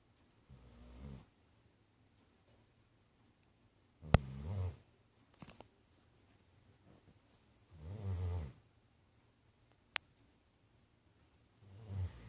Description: snoring laid back on the couch.